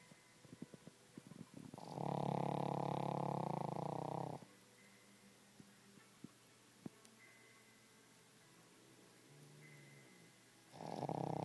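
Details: A sleeping 10 lb Boston Terrier snoring loudly: two loud, rough, low snoring breaths separated by quiet breathing.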